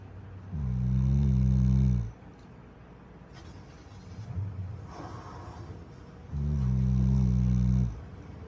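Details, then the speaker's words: Black Labrador asleep with his eyes open, snoring: two long, low, rumbling snores on the in-breath, about six seconds apart, with quiet breathing between. "our dog snoring with one eye open but being a good boy is exhausting"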